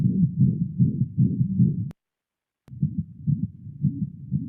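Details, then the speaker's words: Dog with a rapid heartbeat and a whooshing murmur in each beat; ejection murmur suggestive of pulmonic or aortic stenosis, likely cardiac disease. "soplos que son sugerentes a estenosis que en sean entes pulmonar estenosis aórtica y entonces la presencia del soplo nos va a poder ubicar en que es muy posible que este paciente verdaderamente sea un cardiópata"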